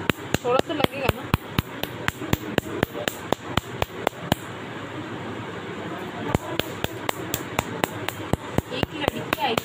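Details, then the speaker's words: Nd:YAG laser tattoo removal: rapid sharp snapping clicks, about four a second with a brief pause, over room noise; laser pulses firing. "और इसमें ND याग laser से कैसे हम लोग और टैटू हटाते हैं इसके बारे में दिखेंगे"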